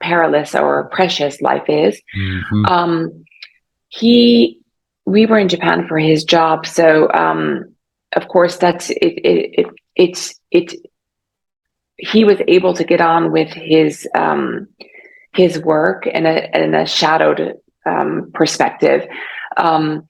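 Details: Adult woman about 3.5 years after a stroke caused by carotid artery dissection, with severe aphasia early on, aphasia persisting and still in speech therapy: aphasia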